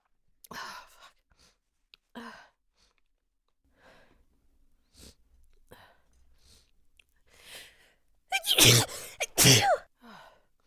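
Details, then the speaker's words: Female sneezing: several hitching, breathy catches and false starts build up over seconds, then two loud, forceful sneezes in quick succession with a trailing breath. "I'm gonna sneeze. Oh, God. Oh,"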